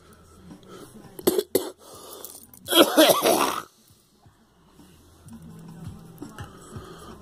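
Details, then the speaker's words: Person with a persistent phlegmy cough since a flu shot, coughing until vomiting clear fluid after only drinking: several harsh wet coughs then gagging and retching; productive cough. "It's part of all its phlegm. Damn it. This fucking cough will never go away."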